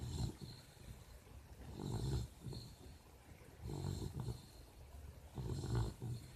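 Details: Low, rumbling snores in a slow rhythm, about four in six seconds, with quiet pauses between; ordinary snoring.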